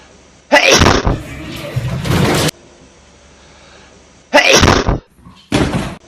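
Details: Hedgehog sneezing: two loud, abrupt explosive bursts a few seconds apart, each with a sharp onset, against a quiet room.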